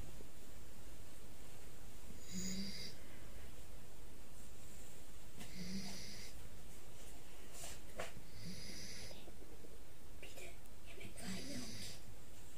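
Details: Four soft, regular snoring breaths from a sleeping puppy, a snore about every three seconds, over a steady background hiss; snoring.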